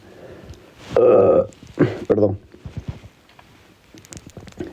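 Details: Man who had just eaten about four cheese puffs, stomach heard digesting: two loud, low, croaky burps in quick succession amid quiet room sounds; eructation.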